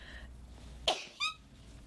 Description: Small comp of sneezes